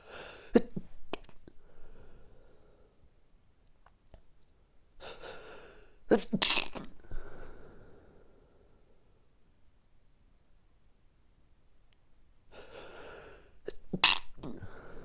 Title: Sneezy Mornings - Allergy Sneezing Fit - Morning Sniffles